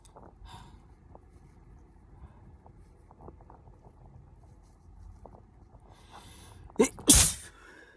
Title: Up close induced sneezes